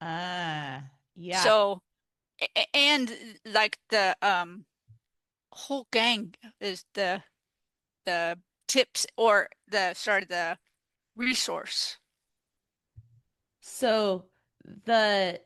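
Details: Female stroke survivor living with post-stroke aphasia, a real patient speaking in an interview; aphasia.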